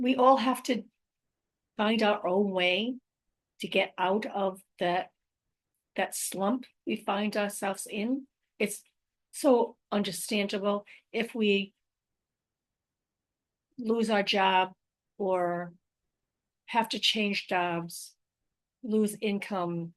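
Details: Adult woman with post-stroke aphasia, apraxia of speech and dysarthria since a stroke in May 2019, still having difficulty speaking, reading and writing; word repetitions heard in this stretch.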